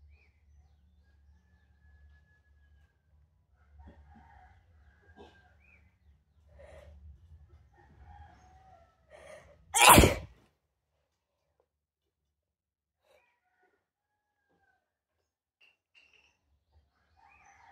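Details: In a quiet room in the Philippines with faint rooster crowing, one loud, explosive sneeze burst: a single sneeze.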